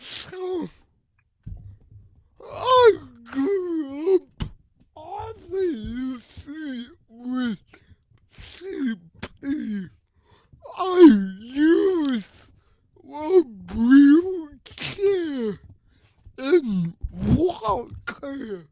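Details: Adult with cerebral palsy who uses a wheelchair and walker and describes his own speech disability; his words are revoiced by another speaker; dysarthria (cerebral palsy).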